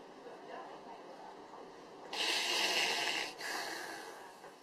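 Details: Agonal breathing (gasping) after the patient's heart has stopped beating: a quiet pause, then a loud harsh gasp and a fading second breath; resuscitation should start immediately.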